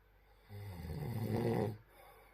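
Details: One low, vibrating snore lasting just over a second, growing louder toward its end; snoring.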